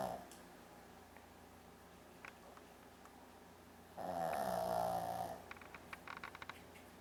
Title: Brandi the Funny Shih Tzu Dog Snores Like A Person